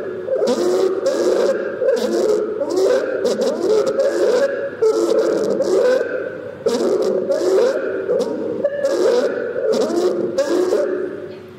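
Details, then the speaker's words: Stridor: harsh, high-pitched, crowing noise repeating with each rapid breath, from upper airway narrowing, e.g. infection, throat swelling or laryngospasm, commoner in children, possible medical emergency; stridor. "strider can indicate a medical emergency if not enough oxygen is able to get through the airways listen to the sound of strider"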